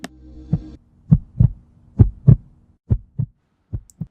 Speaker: is the sound of a heart beating the sounds of the heartbeat are commonly referred to as lub-dub sound the love sound is produced by the closing of the atrial ventricular valves while the dub sound is produced by the closing of the semilunar valves